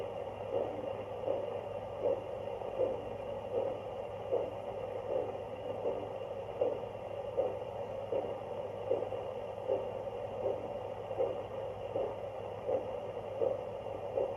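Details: Handheld fetal Doppler picking up rhythmic whooshing pulsations about 79 a minute over a steady hiss, demonstrating that it amplifies all body sounds, possibly maternal rather than fetal.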